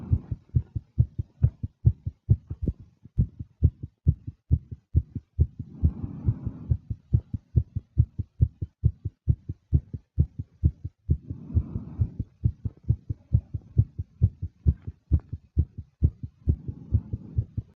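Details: Fast, nervous heartbeat from a female: rapid, regular at about 136 beats per minute with soft breathing sounds in between. Tachycardia.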